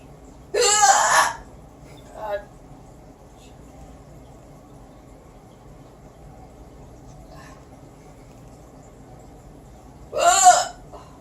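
Two loud, abrupt voiced gasps about ten seconds apart, each with a faint smaller catch after it, in a quiet room: hiccups.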